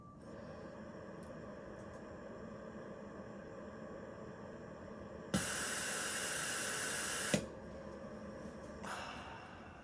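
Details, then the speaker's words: Hamilton T1 transport ventilator pre-operational tightness (leak) check with a training circuit: quiet hum, then steady loud hiss of gas about two seconds ending in a click; test passed. "the first is the tightness check we press tightness and follow the instructions on the screen"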